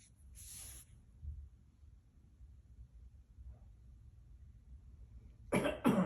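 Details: A person's cough noticed by a cockatiel: after a faint breathy sound and quiet room noise, two sharp coughs come close together at the end.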